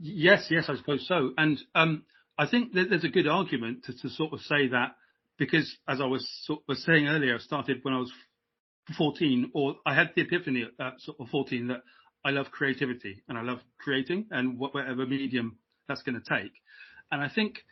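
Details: Adult man who has stammered since age five; speech improved with therapy and modification techniques but he still stammers; stammering (stuttering).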